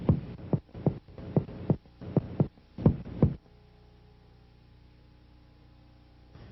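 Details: Light percussion taps, about eight, across the left chest, shifting from resonant lung notes to a duller cardiac note, then quiet room hum; cardiac percussion showing lung resonance giving way to cardiac dullness.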